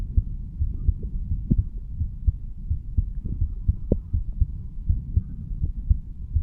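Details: Normal heart sounds of a 35-year-old man standing, self-recorded over the mitral area: steady low lub-dub at roughly 85 beats a minute with a faint hum.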